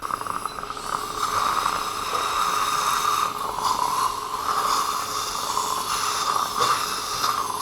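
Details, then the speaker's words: Fully guided dental implant surgery for an implant-supported overdenture, first osteotomy drill (2x8) after bone flattening: steady high-pitched drill whine with hiss and small pitch changes; dental implant drilling. "Now I will start with the first drill which is 2x8."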